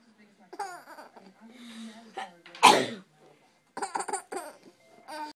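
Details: Single loud, sharp sneeze, with an infant laughing and babbling before and after; sneeze.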